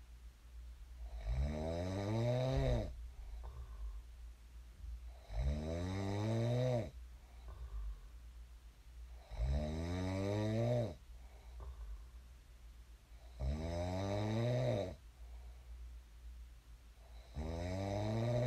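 Loud, regular snores on each breath in, about 15 breaths a minute, with quiet breathing out between; ordinary snoring.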